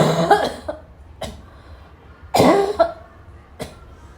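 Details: Afternoon coughing fit, tagged as a coughing girl with a barking cough, that started weak and grew violent: several loud, forceful coughs in quick succession with short pauses between them.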